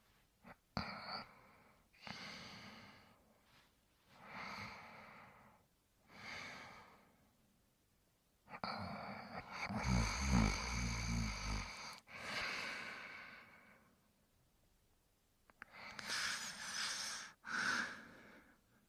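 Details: Slow, noisy breaths with rough snoring and snorting on some breaths; acted cartoon imitation of a dog character (Brian Griffin) sleeping and snoring.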